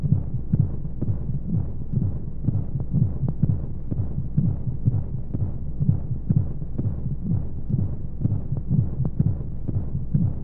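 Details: Womb sound played as a sleep aid for babies: muffled, steady double thumps at about 125 a minute under a constant rushing hiss of white noise; a heartbeat as heard from inside the womb.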